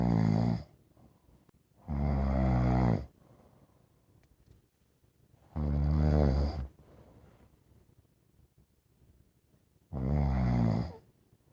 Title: I don't mind my dog snoring. They can snore all they want. Dog snores are the best to listen to.